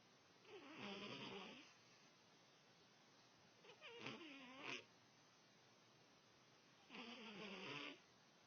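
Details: Snoring recorded on an Android phone: three rough, rattling snores with quiet pauses between, roughly one every three seconds, over faint room hiss; ordinary snoring.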